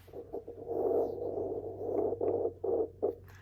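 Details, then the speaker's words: Handheld fetal Doppler probe with gel rubbed over skin as a demonstration in early pregnancy, producing scratchy, whooshing rubbing noise with no fetal heartbeat. "What you want to do, they have like Doppler gel that you can put on your stomach area, and you turn it on. I'm just giving you an example."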